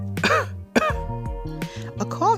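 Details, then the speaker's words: An adult teacher imitates a few short, voiced coughs over steady background music to illustrate coughing from a dry, uncomfortable throat. "well the word cough means this means when your throat feels dry or it feels uncomfortable and you make a sound like this"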